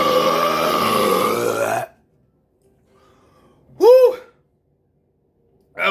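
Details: A loud, low-pitched belch of about half a second after fast-chugging two 12 oz cans of carbonated Diet Dr Pepper, following steady noise and then silence: burping.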